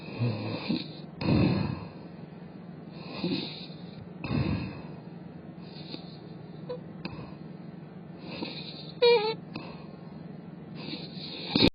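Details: A cat asleep in a weird position, its tongue moving continuously, snoring: soft, irregular snoring breaths over steady room noise, with a few louder snorts.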